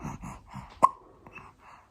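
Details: Persistent hiccups that won't stop: a soft, muffled voice cut by one abrupt, sharp catch, a single hiccup.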